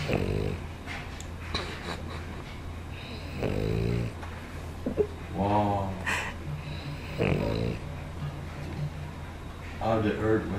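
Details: A dog sleeping soundly and snoring: repeated short snorting, groaning snores over a steady low hum.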